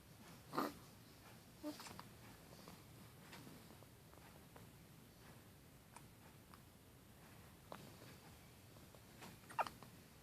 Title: Hiccups 10/01/2013